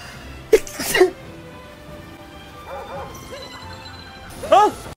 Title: BLESSED SNEEZE #2